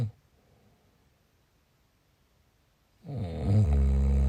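After a few seconds of quiet, one loud, deep, rattling inhaled snore begins; snoring.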